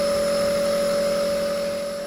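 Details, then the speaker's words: Omron compressor nebulizer, no Ventolin, used on a child with cough and cold to thin mucus: steady mechanical hum with a constant tone, motor delivering mist; compressor nebulizer running. "Kita nyalakan ya, biar batuk atau dahaknya ini lendirnya encer ya. Oke, kita nyalakan ya, teman-teman."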